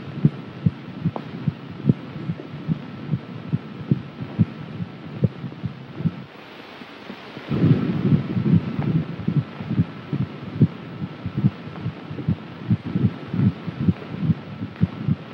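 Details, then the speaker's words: Rapid, soft, regular thumping at about 140 a minute under hum and film hiss: a fetal heartbeat heard by a doctor during an abdominal exam of a pregnant woman; dramatized 1938 film. "so now i'm going to listen to your baby's heartbeat"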